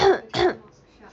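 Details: Two quick, forceful throat-clearing bursts from an adult woman with a sudden hoarse, itchy throat during a livestream, followed by quiet.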